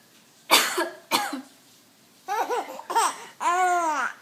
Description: our 3-month little guy suddenly laughs when his mommy was coughing... (ｰ ｰ;)